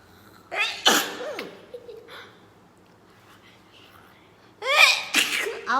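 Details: Two sharp sneezes, each preceded by a brief intake, separated by a few seconds of quiet, while a mother and child read The Lion King aloud together; sneezing.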